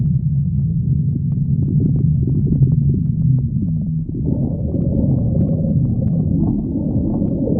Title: stomach growling